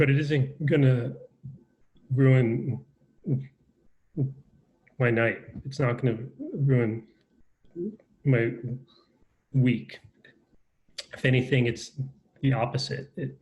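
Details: Adult male with a lifelong stutter, speaking in a conversation; stuttering.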